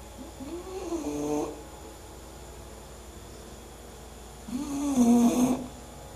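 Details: English bulldog sleeping and snoring: two long, rattling, droning snores about four seconds apart over steady room hum, about 15 breaths a minute.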